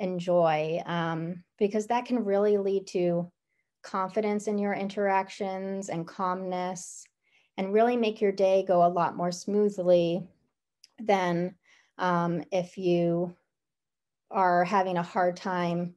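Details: Adult woman speaking; ordinary speech.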